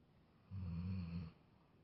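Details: A single low, rumbling snore under a second long against a quiet room, from a very tired Labrador dog taking a mid-morning nap: snoring.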